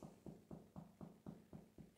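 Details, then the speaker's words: Indirect chest percussion of a patient's anterior chest over an intercostal space, with a percussion hammer on a finger: eight evenly spaced hollow taps, about four a second, a resonant note, the normal finding over air-filled lung. "So this is pretty hollow, so this is that resonance that we're looking for."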